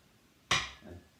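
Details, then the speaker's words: Tuning fork struck for the Weber bone-conduction hearing test during a head and ear physical assessment: a single bright metallic ring fading over a fraction of a second. "okay now we're gonna do the weber test i'm gonna bang the tuning fork"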